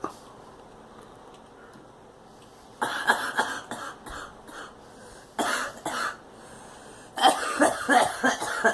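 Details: After a quiet start, a girl gives three bouts of short, repeated coughs in a small room: a coughing fit.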